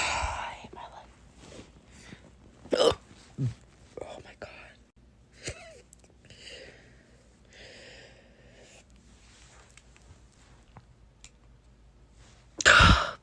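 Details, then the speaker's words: Young person, pre-pubertal per doctor's remark, with recurrent hiccups, fourth episode that day, crying: short, abrupt voiced catches every second or two between soft whispering and breathing. "you know this is the fourth time I've had hiccups today and I'm crying about it because but it's not that fun my doctor really said [ __ ] it'd be fine after puberty"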